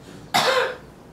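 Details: A single sharp, harsh cough from a 10-year-old female Pomeranian with persistent coughing for two weeks, recurring despite medication. X-ray showed lung and throat inflammation and cardiomegaly, with irregular heartbeats noted.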